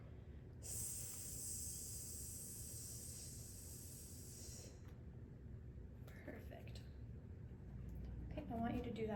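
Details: Child, with adult clinician speaking; sustained /s/ prolongation (s/z ratio task).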